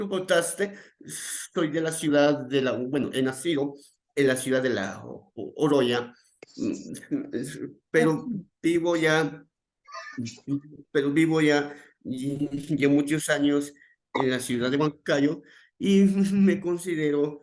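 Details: Real adult male with stuttering that began around age 7 and became more noticeable around age 11, described by him as uncontrolled that day; repetitions in speech; finding: stuttering.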